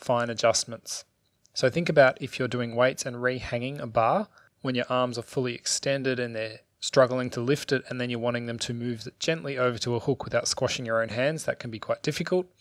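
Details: Adult male speaker; normal speech.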